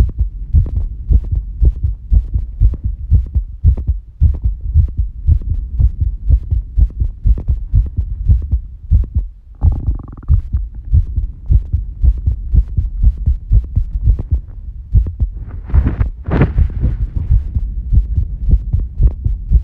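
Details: Female heartbeat recorded after squats, during recovery: a strong, fast, low thumping heartbeat with brief rubbing noises, a normal rapid rate settling after exertion.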